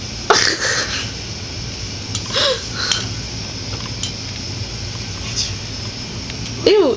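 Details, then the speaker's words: A cat sneezing repeatedly, owner suspects allergies or something caught at the back of the throat; several short, sharp sneezes and snorts with a person's voice in a small room. "ew don't ew don't sneeze on me he's like snorting that's enough couple more sneezes oh yep oh one more there oh here it comes oh my God one more Snee oh yeah"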